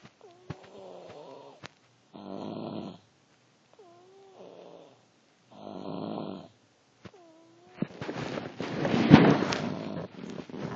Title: snoring.